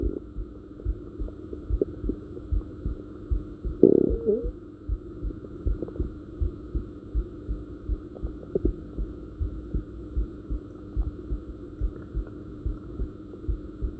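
Steady regular heart thumps at a moderate rate over a low hum, with a brief gurgle of stomach noise; ordinary heartbeat.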